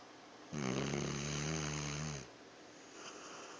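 A single loud, vibrating, buzzy inhaled snore lasting nearly two seconds from a sleeping dog.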